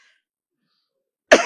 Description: Keingianannya itu pun disampaikan secara menggebu-gebu hingga suaranya serak dan batuk-batuk.